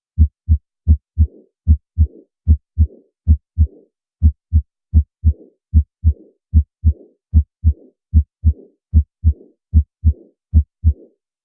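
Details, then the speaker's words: Audio sample of aortic regurgitation: regular paired heart sounds, each followed by a soft blowing diastolic murmur from backflow of blood from the aorta into the left ventricle. "so this creates turbulence and creates the classic sound of aortic regurgitation and aortic regurgitation is a diastolic murmur so let's listen to this"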